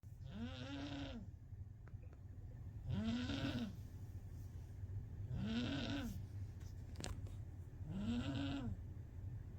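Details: A sleeping kitten snoring: four loud, regular snores with a whining pitch, at about 24 breaths a minute.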